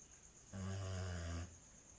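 A single deep, buzzing snore lasting about a second, with a steady background hiss; snoring.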